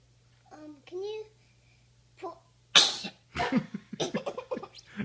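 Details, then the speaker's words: Child sneezes while speaking to an Alexa smart speaker: a loud, sharp sneeze burst, then a second, smaller burst, followed by talking; sneeze. "oh I just sneezed uh sorry"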